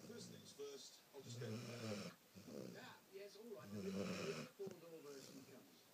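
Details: Irregular rattling, snuffling snores running almost continuously with brief gaps; a sleeping female Labrador dog snoring.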